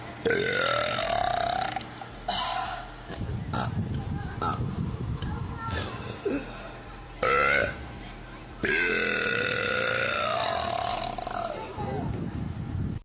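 Several long, drawn-out voiced belches with talking in the background, deliberate loud burping.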